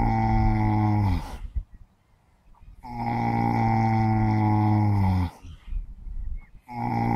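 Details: Long, loud, low droning snores with a deep buzzing tone, about three spaced breaths, from four horses napping on a sunny morning; horse snoring.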